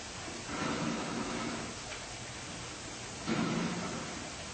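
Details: A sleeping cat named Maggie snoring softly, two rasping breath swells over steady background hiss.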